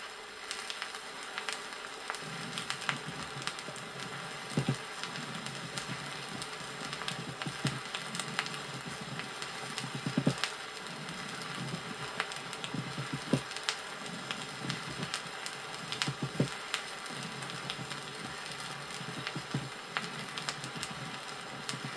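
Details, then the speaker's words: Gentle (soft) pleural friction rub in dry pleurisy, 1961 Soviet teaching record: soft scratchy rubbing bursts on inspiration and expiration over crackly vinyl hiss. "основным аускультативным признаком сухого плеврита является шум трени плевры сваей на вдохе и выдохе"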